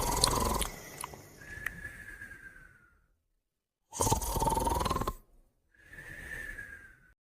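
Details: A man and his dog sleeping together, giving loud, rough snoring breaths with a whistling tone on each breath; ordinary sleep snoring.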